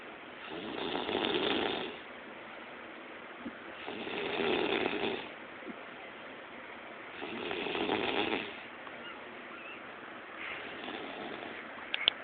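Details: Person snoring while asleep at home: harsh, rattling breath noises rising and falling about every 3.5 seconds, roughly 17 breaths a minute.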